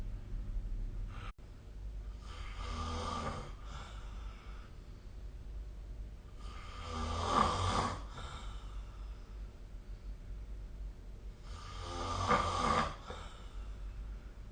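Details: Loud rattling snores on inhaled breaths about every five seconds, roughly 12 a minute, with quiet room hiss between them; snoring recorded with the SnoreLab app.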